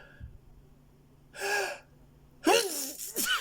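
A sharp inward gasp followed by a forceful sneeze burst and a short voiced trailing sound, a typical sneeze.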